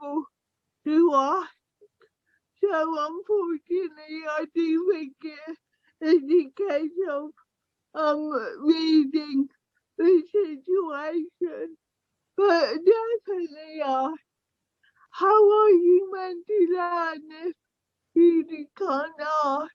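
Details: Young woman with cerebral palsy affecting her speech, walking and motor skills; dysarthria due to cerebral palsy.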